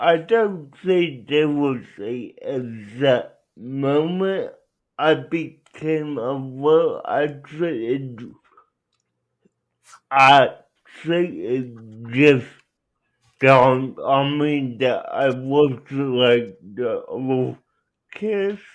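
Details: Adult male speaker; dysarthria (cerebral palsy).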